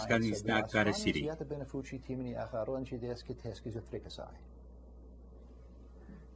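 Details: Fluent aphasia imitated by a clinician playing a patient, using nonsense words that sound like language but carry no meaning.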